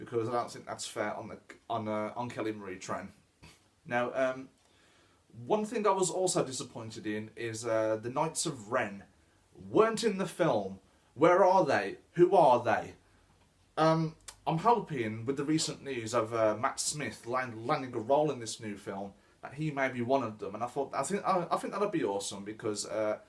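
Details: Adult man who says he stammers; repeated words in this stretch; stuttering.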